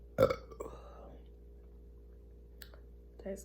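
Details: Deliberate burping after drinking cherry Sprite: one loud, drawn-out burp lasting about a second, followed by quiet room noise and a faint vocal sound at the end.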